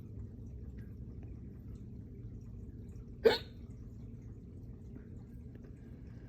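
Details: Hiccup after burping, following a bowl of cereal, a run and drinking water too fast: a single sharp, abrupt hiccup over quiet room noise.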